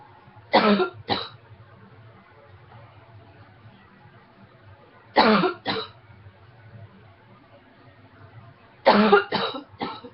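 Three bouts of short harsh coughs, two or three coughs each, several seconds apart in a quiet room.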